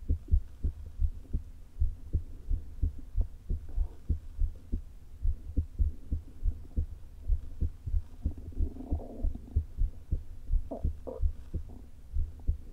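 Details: Adult woman's heart through a stethoscope placed low on the chest, before her open-heart surgery: fast, irregularly spaced beats from atrial fibrillation with a leaking heart valve, plus gurgling stomach rumbles.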